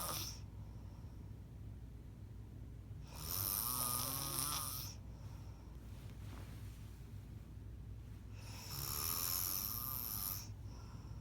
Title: When my ex record me snoring #snorenomore #sleep #fyp #jajaja